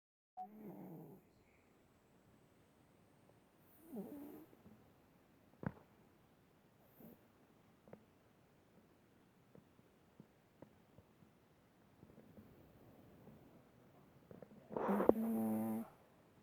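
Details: Pet cat snoring in its sleep, described as making weird sounds while sleeping: soft, rough breathing noises in spaced bursts with faint snorts between, in a quiet room.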